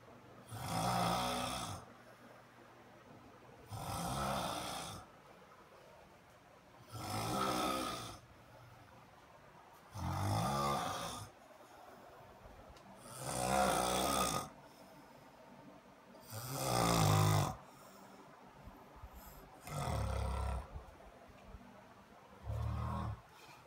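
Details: Adult man asleep in the bedroom, recorded by his wife, snores loud enough to be heard through the whole house. Loud, rough snores repeat about 19 per minute with quiet pauses between them: loud snoring.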